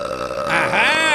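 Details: Deliberate burp from a compilation of burps and belches: one loud, drawn-out, rumbling belch with a voiced, rising tail.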